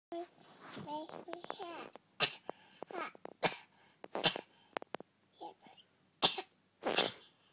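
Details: Cough heard during singing of "You Are My Sunshine".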